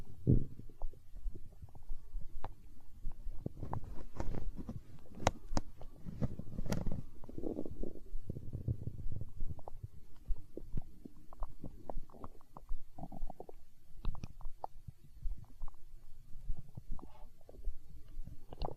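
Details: Stomach growling (borborygmi): low rumbling gurgles and bubbling rolls that rise and fall continuously.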